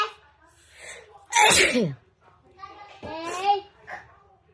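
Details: Child in the Philippines gives a sharp explosive sneeze after a quick in-breath, reportedly tickle-induced, followed by a short voiced sound; sneeze.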